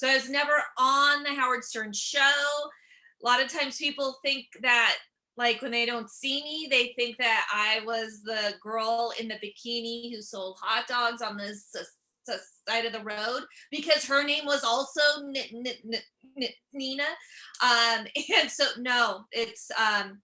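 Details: Stuttering in an adult woman whose stuttering began at age seven or eight; she also has dyslexia.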